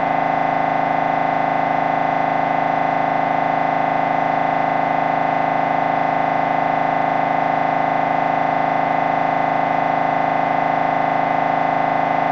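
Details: Loud, steady machine drone with a fast, even buzzing pulse throughout: MRI scanner noise recorded during a brain scan sequence.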